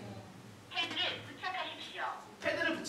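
Short spoken phrases in Korean, the automated defibrillator's voice instructions starting after power-on and calling for pads.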